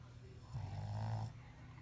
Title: Shitzu snoring